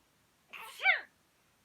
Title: #10 今夜のくしゃみ tonight sneeze